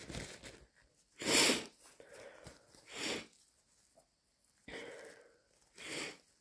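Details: Induced morning sneezing during possible hay fever flare with itchy, watery eyes and itchy ears: wet, forceful, snotty sneezes with sniffles and nose blows in between, leaving nose stuffy; sneezing.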